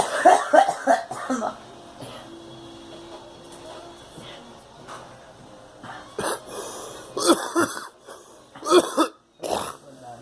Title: Girl coughing